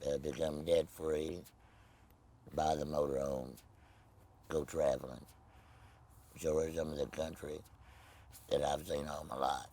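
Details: Tracheoesophageal speech in an adult man after laryngectomy for laryngeal cancer, no voice box, speaking with a Provox voice prosthesis.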